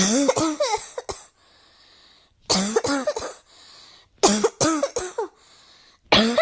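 Bursts of several harsh, voiced coughs with gasping in-breaths between them; continuous coughing fits indoors.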